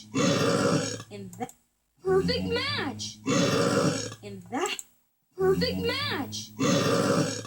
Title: Little burp and big burps